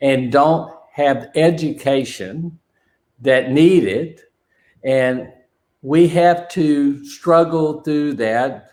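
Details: Man with non-fluent aphasia since a stroke during heart valve surgery in 2007; shortly after the stroke his speech was limited to single words; real chronic post-stroke non-fluent aphasia.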